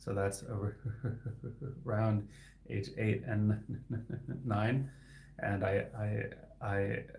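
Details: Adult man who stutters and is a licensed speech-language pathologist; his stuttering is inconsistent, with words sometimes stuck for seconds; sound repetitions heard; finding: stuttering.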